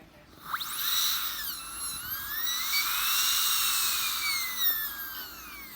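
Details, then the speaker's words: High-pitched dental handpiece whine rising and falling as a 12-fluted finishing bur smooths a composite filling. "so for the finishing I would like to use a 12 fluted burn see these little little flutes are in there that smooths the composite even more so than I the the diamond can provide"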